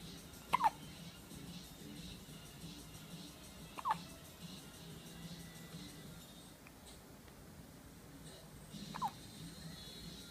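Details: 17-day-old baby having hiccups: faint, brief catching sounds, three in about ten seconds, over a quiet room hum.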